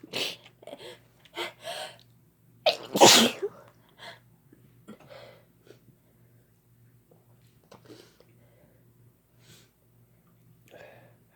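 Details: Repeated sneezes from two people sneezing together, one very loud, with quiet breathing after; sneezing induced by chhinkni sneezing powder.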